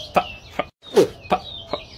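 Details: Adult man with Tourette syndrome, involuntary vocal tic occurring between sentences while he talks; vocal tic (Tourette syndrome).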